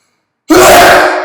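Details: Single sneeze after sniffing chhinkni snuff in a nearly empty, very echoey apartment room: after a short silence, one sudden, loud, voiced burst rings out and fades quickly.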